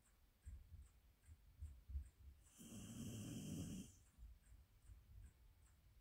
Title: ASMR Snoring Azawakh 😴